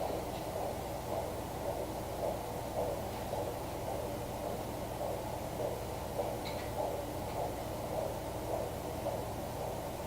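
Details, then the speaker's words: Fetal heartbeat on a home Doppler at about 25 weeks of a possible twin pregnancy (mother unsure of multiples): steady rhythmic whooshing pulses over constant hiss and hum. "Okay, so this is the fetal heartbeat that I pick up the most."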